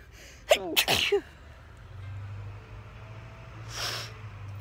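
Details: Sneezing outdoors in a summer garden in a person allergic to grass: a quick burst of two or three sharp sneezes, then a quieter sniff-like breath, over light outdoor noise.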